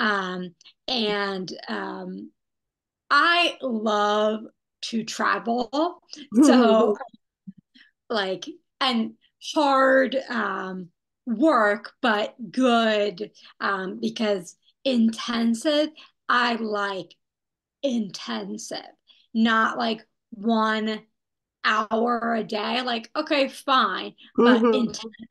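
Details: Young woman who had a stroke at age 27, with right-side weakness, after intensive rehabilitation; speaking and especially public speaking difficult; non-fluent aphasia.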